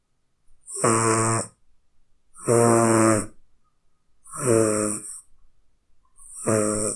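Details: Snoring sound effect from a cat: rhythmic, buzzy snoring, each breath a short droning rumble, about 33 breaths per minute.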